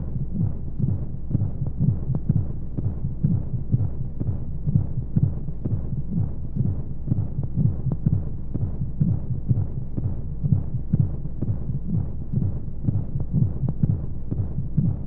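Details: Baby sleep-aid womb sound: steady, muffled low heartbeat thumps at about 125 a minute over a constant whooshing hum and white noise, like a heartbeat heard from inside the womb.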